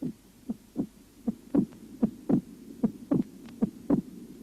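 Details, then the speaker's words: Heart auscultation over the pulmonary artery in mitral stenosis: regular heart sounds with an accentuated second sound split into two close parts. "на лёгочной артерии при митральном стенозе выслушивается акцент и расщепление второго"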